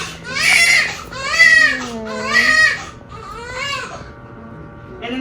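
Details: Baby girl just born in hospital after labor with membranes stripped: strong, high-pitched crying in repeated bursts, tapering into whimpers. A vigorous normal newborn cry.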